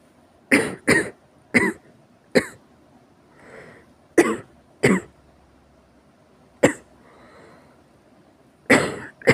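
Harsh, forceful coughs in quick runs, about eight bursts with breaths drawn between; a severe coughing bout.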